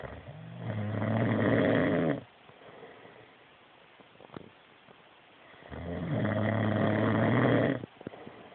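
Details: A man snoring in his sleep past the time he should have been up, giving two long, loud, rumbling snores on breathing in, separated by a quiet pause of several seconds.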